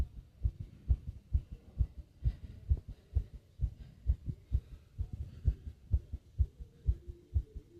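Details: Fast heartbeat with heavy breathing: rapid, regular low thumping at about 130 beats a minute, with a faint low hum underneath.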